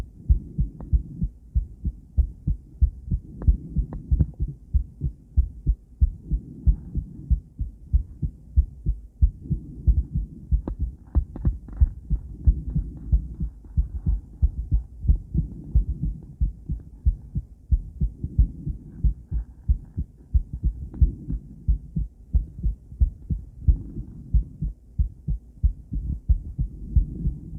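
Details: Ultrasound Doppler of a female heart: steady, rhythmic low whooshing heartbeat pulses at about 90 a minute, with some noise early on; normal heartbeat.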